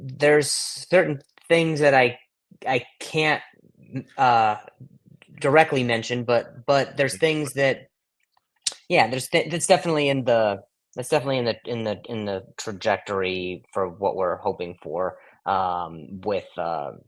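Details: Adult male comedian with acquired stuttering since age 20, after a softball hit him in the throat (vocal contusion and traumatic brain injury); blips, stutters and blocks.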